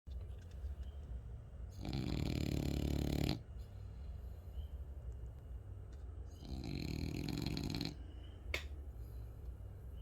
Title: french bulldog snoring